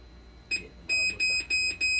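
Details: Repeated high electronic alarm tones in bursts, about four in two seconds, over faint room hum: a dialysis machine alarm during repair, with a hydraulic conductivity failure persisting after board replacements.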